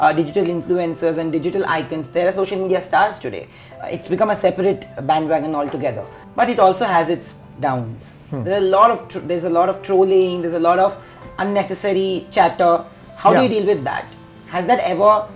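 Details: Adult speaker; normal speech.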